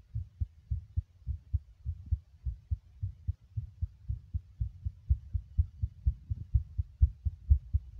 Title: Male Heartbeat Whilst Smoking 6 🚬